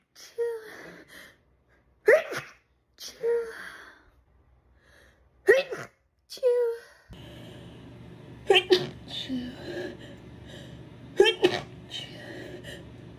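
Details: Girl: seven sharp, high-pitched sneezes in a rapid series, each with a quick inward gasp before it. Repeated sneezing.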